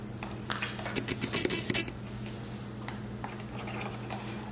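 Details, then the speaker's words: Willow wearable breast pump turned on: a burst of rapid mechanical clicking and whirring as it tries to latch, then a quieter hum with faint rhythmic sounds in stimulation mode. "So this is the Willow. It actually initially makes a noise when trying to latch on, and that's the noise that you hear now. But this is the sound it makes when it goes into stimulation."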